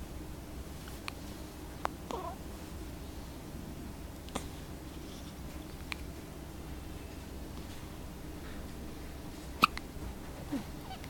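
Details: Hiccups and sneezes of a baby drowsing off while drinking milk, possibly after drinking too much milk.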